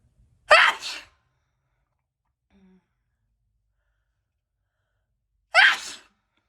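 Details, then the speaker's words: Woman sneezing after trying to hold a sneeze in: two sharp, hissing sneezes about five seconds apart in a quiet room; ordinary sneezing. "we gonna see how long i can hold a sneeze in so we gonna try that okay it didn't last long"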